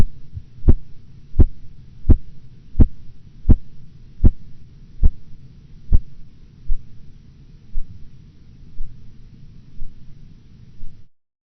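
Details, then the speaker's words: Korotkoff sounds during cuff deflation, blood pressure 116/90 mmHg: silence until regular thumping beats, about 86/min, appear at 116 mmHg, loud then fading through the phases, disappearing at 90 mmHg (diastolic). "You will hear nothing until the first Korotkoff sound appears at 116 millimeters of mercury. The various phases of Korotkoff sounds will be heard until their disappearance at 90 millimeters of mercury."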